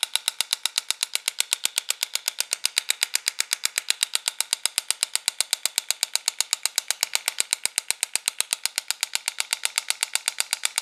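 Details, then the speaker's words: Home extracorporeal shockwave therapy machine demonstrated for stiff, achy joints such as knee and shoulder, set to intensity 90, frequency 8 Hz and 1,600 shocks; the applicator fires rapid, very regular sharp clicks. "as far as how it feels it kind of resembles a bunch of tiny needles poking your skin and going inside and you may even sense uh sort of an electrical type shock sensation although there is no electrical current going inside you"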